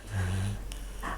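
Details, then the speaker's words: Sleeping dog gives a single low, rumbling snore; the owner calls her a horrible snorer and thinks she has sleep apnea. "rj's dog miss sally she is i think she has sleep apnea honestly she's a horrible snorer so you'll hear her throughout this video"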